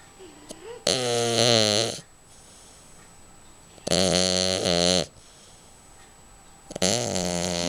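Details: Snoring during sleep: loud, vibrating, tonal snores roughly every three seconds, each lasting about a second, with quiet pauses between.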